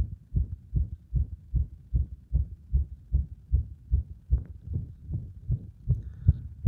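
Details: Heart sounds with frequent arrhythmia attributed to cardiac compression; fast low thumps about 150 a minute, unevenly spaced, some beats louder; irregular rhythm with frequent extra beats.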